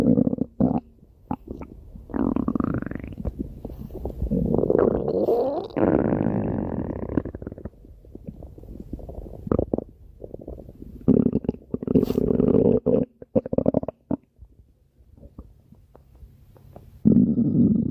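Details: Stomach growling (borborygmi): gurgling, rumbling bowel sounds with squeaky rising tones from gas and fluid moving.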